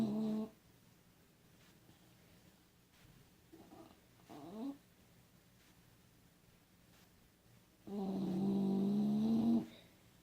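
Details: Sleeping dog: two loud, low, rattling snores separated by quiet breathing pauses in a small room; snoring.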